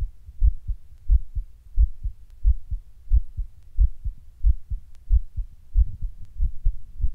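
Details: Person sitting down when the heart suddenly starts beating weird and hard, getting fast now and then: low, forceful beats around 90 a minute with uneven spacing and occasional quicker runs; irregular heartbeat.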